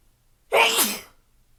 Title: Hitching sneezes